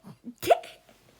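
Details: Counting to 20 to try to cure hiccups: a single abrupt, sharp hiccup with a short voiced catch, preceded by soft breath sounds.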